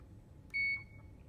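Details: Single short high-pitched electronic beep over quiet room noise; an Excelsior syringe pump's audible alarm signalling the end of a home IV medication infusion.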